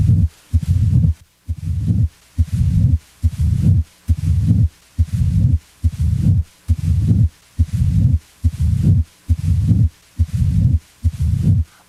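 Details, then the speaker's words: Teaching recording with regular heart cycles near 65 a minute, each with a low rumbling mid-diastolic murmur starting shortly after S2 and fading, as in mitral stenosis. "amid diastolic murmur as in mitral stenosis starts a short time after s2 it may fade away as heard"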